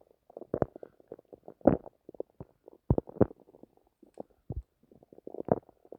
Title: I was trying to sleepbut my stomach had plans of its ownkept making noises so I decided to record it